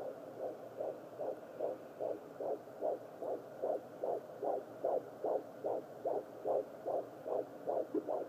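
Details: Fetal heart rate on Doppler.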